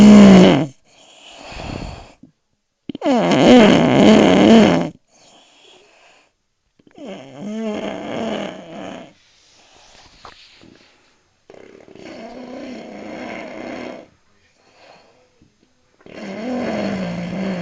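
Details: Man snoring, recorded at Rucar: loud, rough snores with quiet pauses between them, about 15 breaths a minute; snoring.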